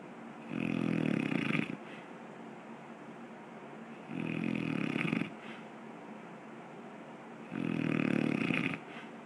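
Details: Person falls asleep easily, then begins to snore: three loud, rumbling snores about one every three seconds (roughly 20 a minute) over steady room noise.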